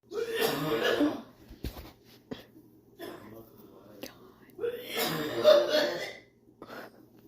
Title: hardest coughing ever. #funny #cough #wow